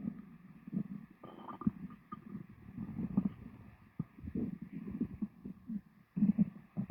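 Soft, irregular gurgles and low rumbles over faint steady background hum; ordinary bowel sounds after a meal.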